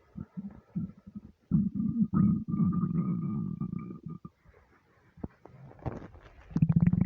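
Deep, drawn-out gurgling rumbles with bubbly pops and a low groaning tone; stomach rumbling from an empty stomach, a normal finding.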